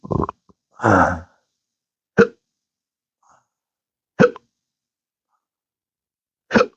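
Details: Adult with intractable hiccups, belching and choking spasms since December 2015 after surgery with nerve damage: one belch, then a short voiced hiccup roughly every two seconds.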